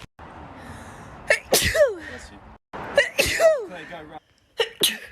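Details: Three sneezes in quick succession, each a sharp voiced burst after a brief intake of breath; sneezing.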